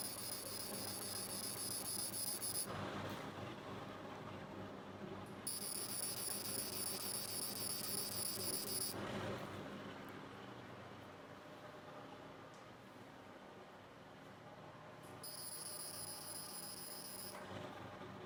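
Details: CO2 fractional laser skin procedure on the face after skin cleansing, sunblock applied afterwards and described as very painful: shrill, rapidly pulsing buzz switching on and off over a steady machine hum, the laser firing.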